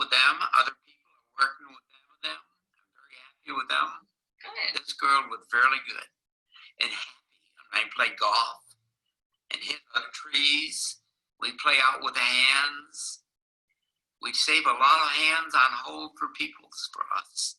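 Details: Wernicke's aphasia in a male patient with impaired comprehension, presented as a teaching example.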